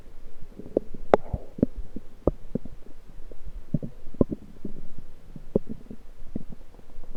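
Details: Frequent low gurgles, pops and rumbles from the lower abdomen recorded with a USB electronic stethoscope; self-recorded lower intestinal gurgling; active, normal bowel sounds.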